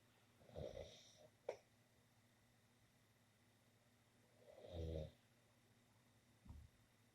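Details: Person snoring in a bedroom: two low, rattling snores several seconds apart, with faint room hum between them.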